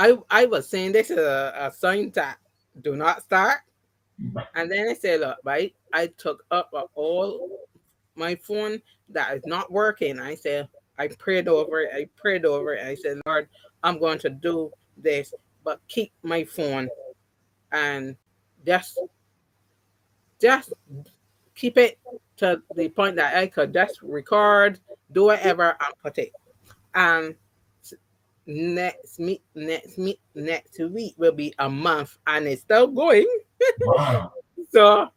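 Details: Aphasia with residual word-finding difficulty in an adult woman after three strokes (2017 haemorrhagic, 2018, 2019). The first stroke took away her speech and caused right-sided paralysis. She relearned to talk; some words will never come back.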